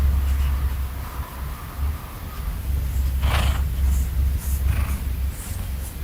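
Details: Loud, steady low rumbling purr with rhythmic vibration from a sleepy, content male cat lying under the covers next to his owner before sleep; normal purring.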